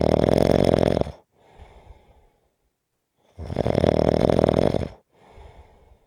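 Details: Loud, coarse rattling snores on each inhalation with softer breathy exhalations, about 18 breaths per minute.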